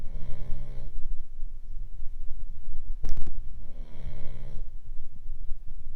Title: Boston Bosse snoring